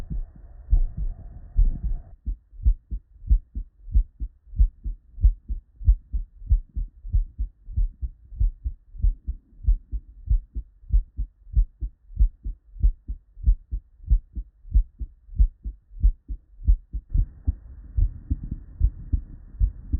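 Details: Real, unedited normal human heart sounds (S1 and S2), recorded at the bedside from multiple patients with normal cardiac physiology and looped seamlessly.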